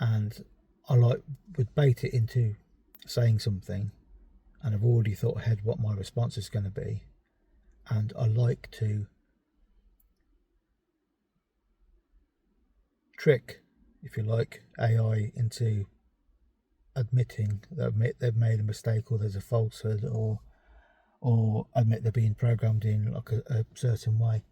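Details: Adult man with ADHD and a self-reported stammer, which leads him to avoid and substitute words, feign forgetting, or restart sentences; stuttering.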